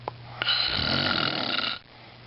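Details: Sleeping adult man snoring: one loud, rough, rattling breath of about a second and a half, then quiet; a single snore.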